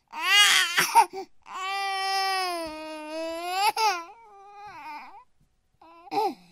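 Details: Nine-month-old baby crying, from a sound-effect collection: loud sustained wail with brief sobbing catches and a trailing whimper.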